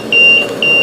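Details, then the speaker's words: High-pressure alarm on an LTV 950 portable ventilator during a setup demonstration by a respiratory therapist, sounding together with an internal high PEEP alarm; steady high-pitched electronic alarm tone signalling high airway pressure. "this is giving me a high peep alarm which is one of your internal alarms that i was talking about earlier that doesn't show and i'm also getting a high pressure alarm"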